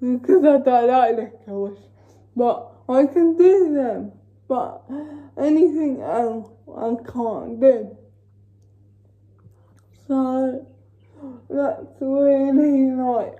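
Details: Female with cerebral palsy talking while feeding herself with a Neater Eater feeding aid; no speech disorder is named: dysarthric speech in cerebral palsy.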